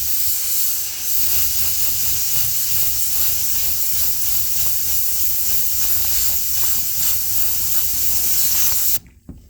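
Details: Dental air syringe blowing a steady, soft hiss of gentle air to thin and sweep bonding adhesive (Rodin Bond) on prepped teeth with a deep distal box prep, using HVE. The air stops abruptly near the end.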